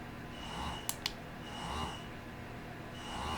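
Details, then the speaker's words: Motif Roam electric breast pump in massage mode, switching from level 1 up to levels 2 and 3, slight pause then ramp-up: soft rhythmic whooshing cycles about every 1.2 seconds, faint whine, two clicks; breast pump running. "I'm going to go up to level 2 and 3, and you'll kind of hear like a slight pause and then ramp up."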